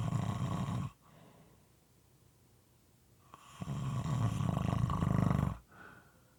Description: This is a 5 1/2 minute clip moist and sometimes irregular snoring.